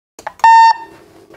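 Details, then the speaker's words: Datascope Spectrum OR patient monitor, powered on during a repair check: a loud steady electronic power-on beep, then a faint hum as the fan starts; the unit boots fine. "very loud beep you can hear the fan turn on the lights come on and the unit boots fine"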